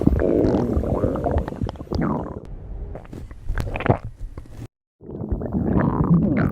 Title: STOMACH GROWL